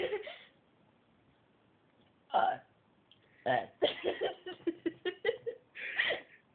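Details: A girl deliberately burps the ABCs, making several short, throaty voiced burps with pauses between them, with laughter around them.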